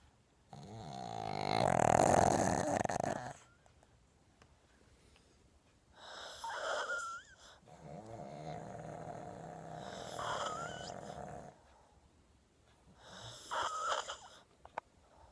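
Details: Two pugs snoring loudly: long snoring breaths with rattling, whistling tones from flat-faced dogs, noisy snoring from narrowed upper airways.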